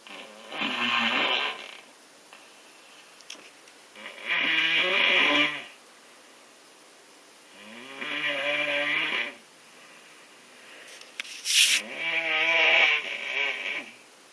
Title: Snoring when your sick